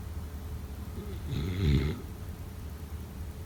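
A single low, rumbling snore against steady room hiss; snoring during sleep.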